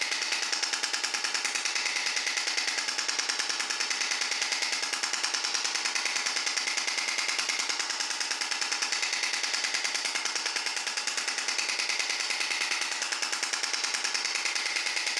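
Rapid, steady mechanical tapping at about 146 pulses a minute, harsh and monotonous; a shock wave therapy device running.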